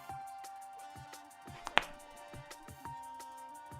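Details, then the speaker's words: One sharp, loud voluntary joint crack over game music and regular tapping during a livestream; joint cracking. "all right if you don't like the sound of cracking joints I strongly suggest you meet your stream temporarily"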